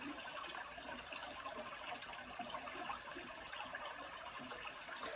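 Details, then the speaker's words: Steady hissing water spray with simultaneous suction from an ultrasonic Cavitron scaler removing heavy lingual calculus in a patient who likely hasn't seen a dentist for years; ultrasonic dental scaler with water spray and suction. "Plus, with all this water shooting from the cavitron, you also want to kind of be mindful of that too. That's why they have the suction going at the same time, because it's a lot of water that shoots up."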